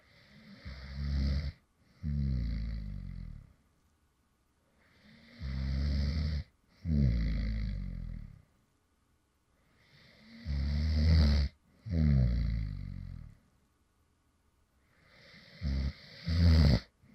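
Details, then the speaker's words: Light snoring from an adult man who fell asleep while recording, four paired snores, each a rumbling inbreath and softer outbreath, about 13 breaths a minute with silent pauses; snoring. "and this is actually some light snoring sounds from me when I actually fell asleep in the middle of recording a previous video."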